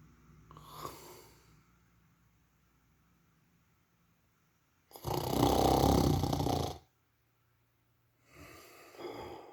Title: Sleeping granola bar suddenly starts to snore